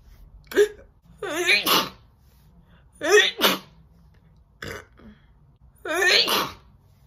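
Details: Woman sneezing four times in about seven seconds, most with an audible in-breath before a big, forceful, wet burst; repeated sneezing.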